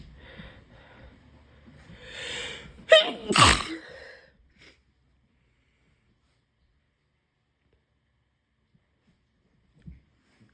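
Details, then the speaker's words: Sick, congested adult inducing sneezes to clear sinuses, unable to breathe through nose: congested breathing and a building inhale, then two explosive sneezes in quick succession, then relief. "Thank God. I can breathe again. I'm trying my clock nostril sneeze."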